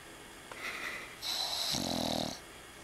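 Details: Snoring from someone sleeping with an eye open.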